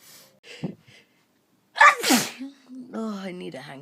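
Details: Person sneezing during nose-blowing: a sharp inhaled catch, one forceful, explosive sneeze, then a short voiced sound.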